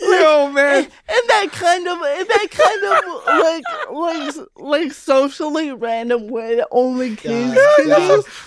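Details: Real speech of an adult woman, a stand-up comedian who grew up with cerebral palsy; dysarthria (cerebral palsy).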